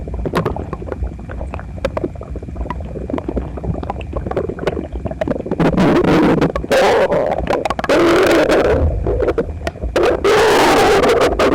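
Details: Person's loud, bubbling gurgles and rushing gas-and-fluid surges, distorted in places, recorded with a phone pressed to the abdomen after a breakfast of toast, eggs and milk; he was visibly uncomfortable, stomach a little upset the other night: loud borborygmi.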